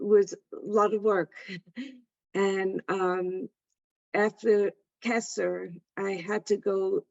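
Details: Adult woman with aphasia after a stroke; aphasia.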